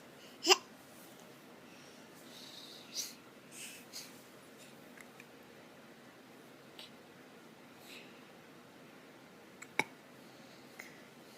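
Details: Two sharp, brief hiccups several seconds apart, with a few soft breaths between them, in a quiet room.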